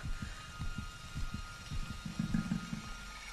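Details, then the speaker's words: Soft low thumping heartbeat, roughly 50 to 60 beats a minute, with a faint hum behind it, from a Tarzan cartoon soundtrack; a character calls it "a lovely heartbeat". Fictional, not a real recording. "yeah thank you that's a lovely heartbeat it's very nice it's very nice"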